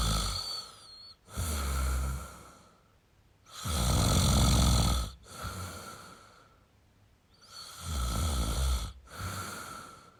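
Deep, rattling snores on each breath in, about four in ten seconds, with quieter breaths out between them. Ordinary loud snoring.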